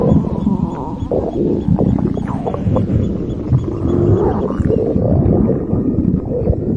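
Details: An empty stomach growling with continuous low rumbling and gurgling: ordinary hunger borborygmi.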